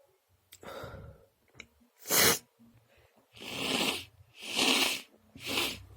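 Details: A short intake of breath, then a sharp explosive sneeze followed by three more wet, hissing sneezes in quick succession: repeated sneezing.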